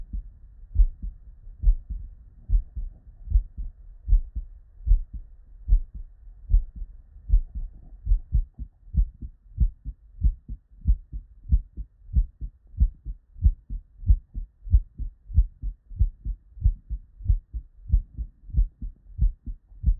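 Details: Real, unedited bedside recording of normal human heart sounds from patients with normal cardiac physiology: regular paired lub-dub beats, about 75 per minute, crisp S1 and S2, no murmur.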